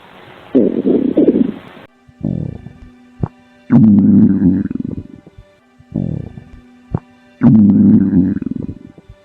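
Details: Low gurgling, bubbling rumbles in repeated bursts over a faint steady hum; stomach growling (borborygmi).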